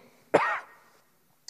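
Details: Politician coughing while speaking loudly in the French National Assembly, 17 April 2020; he says he coughs only from speaking loudly.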